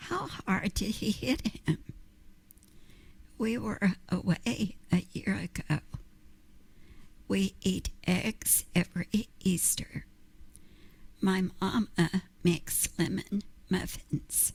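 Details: Essential tremor affecting the voice, previously misdiagnosed as laryngeal dystonia, with a shaky voice and fairly rhythmic voice stoppages; vocal tremor.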